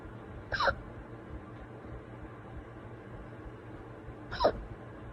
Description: Merry Christmas hiccups part 2